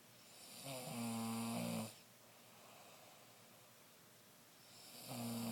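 Loud, rattling breaths drawn in during sleep, with a quiet pause between them; typical adult snoring.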